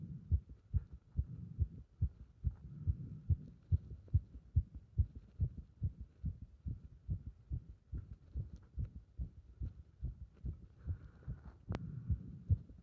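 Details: Heart sounds recorded with pressure on the chest during squats: fast, regular, muffled heartbeat at about 140 beats a minute during exertion.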